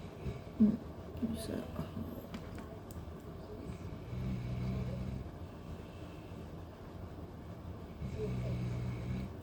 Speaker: That's my dog snoring. I don't know if you can hear that.